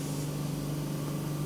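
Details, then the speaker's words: Ear microsuction of very sticky wax at the outer edge of a woman's ear canal, suction tube already blocked; steady low hum of the suction unit with no change in pitch. "at this point the tube's already blocked. I'm hoping in a vain attempt that it'll unblock itself so I can get the rest of that bit out."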